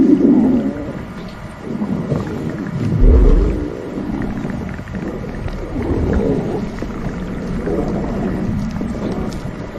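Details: Loud, low rumbling and gurgling in rolling waves: stomach growling from gas and fluid moving through the gut (borborygmi).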